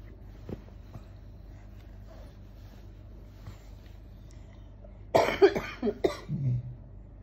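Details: Child ill with high fever, phlegm and runny nose, on medication: after several seconds of quiet room sound, a short run of about three coughs, then a brief low voiced sound.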